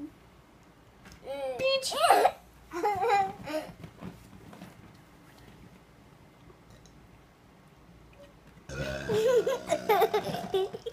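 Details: Adult man (father) burping by swallowing air: several drawn-out, throaty belches with a child's giggles and talk between them in a small room.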